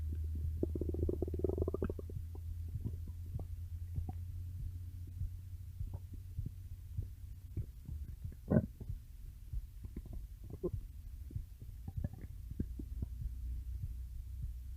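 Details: Stomach growling (borborygmi): low continuous rumbling with scattered gurgles and squeaks, consistent with gas and fluid moving through the gut.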